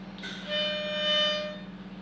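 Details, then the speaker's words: Clear high whistle lasting about a second as breath is drawn too sharply and fast through a spacer attached to a metered-dose inhaler; demonstration of wrong inhalation technique, with a tight mouth seal. "the first thing I'm going to do first is breathe in too sharply and too fast and you'll hear a whistle so if you hear that that's wrong so watch"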